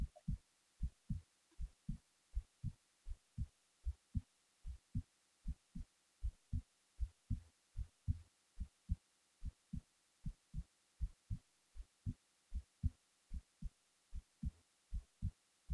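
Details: Steady, regular low thumps at about 77 beats a minute, recorded while falling asleep; a heartbeat.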